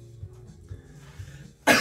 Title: Enhypen cough